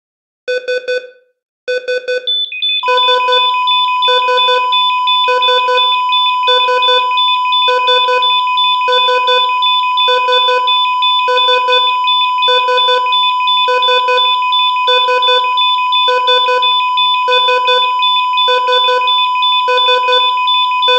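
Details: Simulated patient monitor sound effect: steady beeping about 75 per minute, then a continuous alarm tone for loss of vitals.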